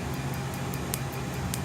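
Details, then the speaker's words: Sharp regular ticking snaps about five times a second over a steady machine hum: laser pulses shattering tattoo ink during a second removal treatment, 235 shots. "So, as this laser is shattering this ink, your lymphatic system will start to in the style of Pac-Man start grabbing these smaller particles."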